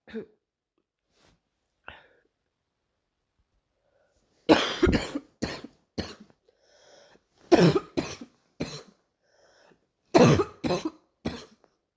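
Three clusters of harsh, repeated coughs separated by quiet pauses, with a couple of faint earlier throat sounds; a recurring morning coughing episode.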